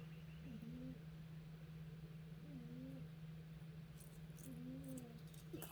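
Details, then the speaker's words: Soft, low whistling snores from a sleeping pet cat repeat about every two seconds, roughly 30 breaths a minute, over a steady electrical hum: cat snoring. "I don't know if you can hear Miss Abby snoring. I got the birds for my nerves, just for relaxation, and my cat just snoring away."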